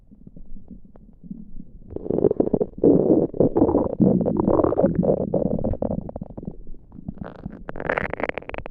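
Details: Abdominal gurgling recorded without pressing on the tummy: bowel sounds (borborygmi).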